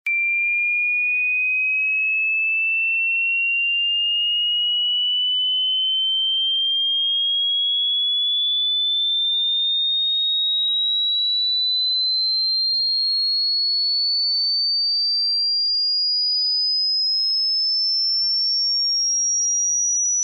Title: Human tinnitus sound effect